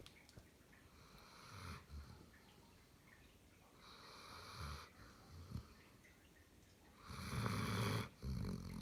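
Airy snoring breaths with low rumbling and snorts, about three breaths in nine seconds, from a sleeping dog.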